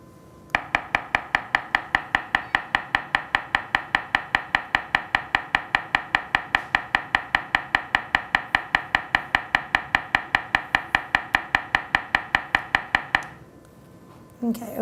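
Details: Acoustic pharyngometer sleep apnea screening of an adult male patient breathing normally through mouthpiece with nose pinched: rapid, very regular clicking pulses, about 150 a minute, measuring the throat airway.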